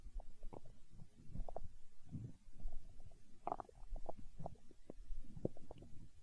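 Steady low gurgles and rumbling with small bubbly pops, recorded close up: ordinary stomach growling.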